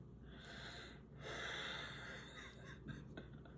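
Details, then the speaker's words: Noisy, whistling breaths from an adult man with asbestos lung damage who wheezes audibly every day, after a full day outdoors in smoke: wheezing. "They were saying, if you're wheezing, if you're audibly wheezing, right? So if you're wheezing and you can fucking hear it, and you're short of breath, call the doctor."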